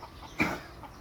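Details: Miniature horse gives one short, sharp cough, a single explosive burst against a quiet outdoor background.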